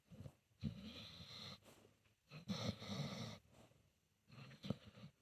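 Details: Senior pitbull-mix dog snoring in his sleep, possibly dreaming: three rough, rattling breath noises over five seconds with quiet gaps between.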